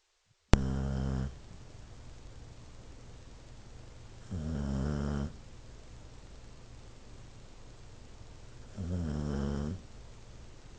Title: Toby Snoring